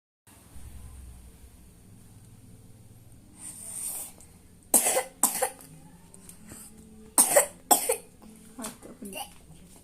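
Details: Child performer from a group performance coughing, noted as still spirited despite the cough: two pairs of sharp cough bursts with faint room noise between them.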